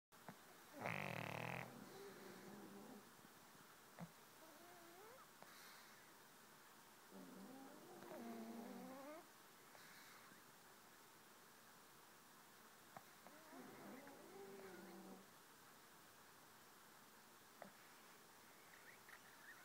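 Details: A sleeping pug that also twitches in its sleep gives soft, wheezy, whistling snores that recur every few seconds; snoring.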